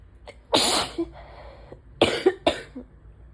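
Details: Allergy attack with a stuffy nose, sore throat and asthma; allergies suspected because symptoms wax and wane with pollen: several abrupt explosive sneezes, some with a breathy intake first and big false starts, in quick succession.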